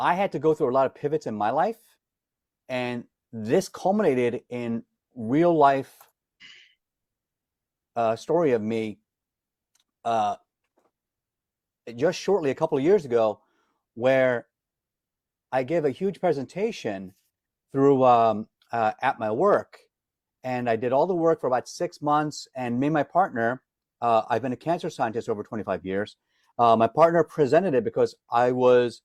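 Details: Adult man with lifelong stuttering who says he is disfluent every day and hides it when singing; word repetitions audible; stuttering.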